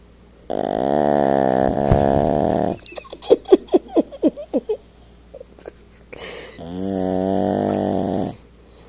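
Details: An 8 lb Yorkie snoring: loud, drawn-out buzzing snores with quieter snuffling breaths between them.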